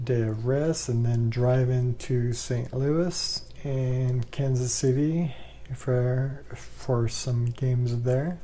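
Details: Man with ALS, 2 years 3 months since diagnosis, says talking is getting rougher and he can't project his voice as much; dysarthria (ALS).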